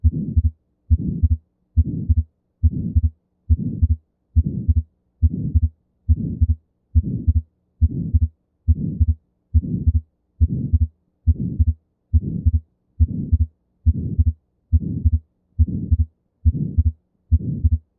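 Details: Atrial septal defect, a congenital incomplete closure between the atria: regular heartbeat near 70 a minute with a soft ejection systolic murmur and fixed split S2.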